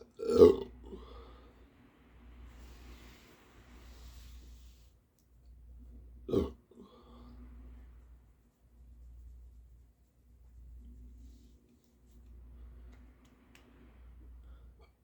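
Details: Two loud voiced belches several seconds apart after an all-you-can-eat sushi lunch, quiet room with a soft rhythmic low rumble: belching (eructation).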